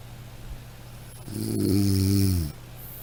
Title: Snoring sound